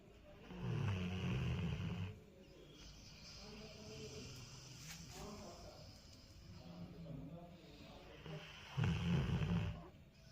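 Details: Snoring while asleep, described as feeling secure and safe: two loud, low, rattling snores about eight seconds apart, with quieter breathing between them.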